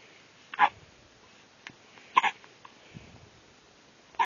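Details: Baby with hiccups: short, sharp hiccup sounds at irregular intervals, three clear ones in a few seconds, against a quiet background.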